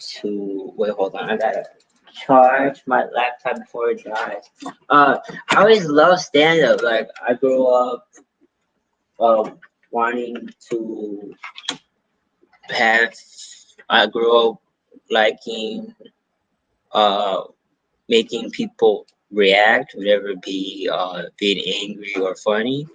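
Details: Adult male stand-up comedian with a self-reported stutter, speaking in an interview; stuttering.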